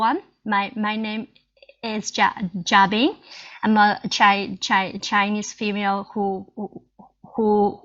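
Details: Stuttering in a Chinese female adult who stutters, with audible repetitions.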